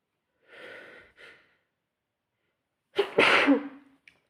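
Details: Sneezing: a soft two-part in-breath followed by one forceful, explosive sneeze.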